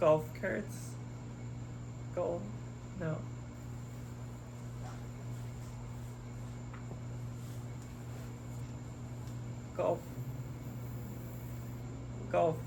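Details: Expressive aphasia with oral apraxia and right-sided paralysis in a man who had a hemorrhagic stroke at 27; halting, effortful speech with long pauses giving his birthday, almost two years post-stroke after intensive speech therapy.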